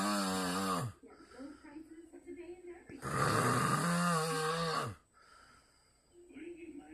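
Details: A man snores loudly, sounding like a grizzly bear.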